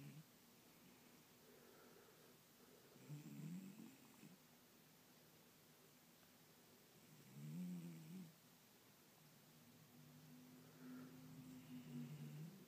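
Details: Chihuahua asleep with his head resting in a person's hand: soft, low, rasping breaths about every four seconds, roughly 14 a minute, over background hiss; snoring.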